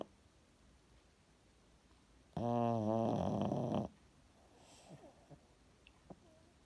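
One loud, rattling, drawn-out snore from a sleeping dog, then quiet breathing; ordinary snoring.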